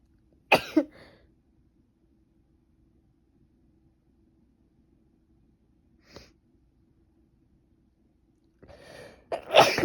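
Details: Sharp sneeze, faint sniff, gasping inhale, then another forceful sneeze from a female with allergies who has been sneezing since the night before; repeated allergic sneezing.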